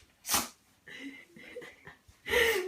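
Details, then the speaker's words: Female pug sneezing repeatedly; owner asks whether something is in her nose. Two sharp sneeze bursts separated by snuffly nasal breathing. "Bella. Why do you keep sneezing? Bless you. Bless you, Pug."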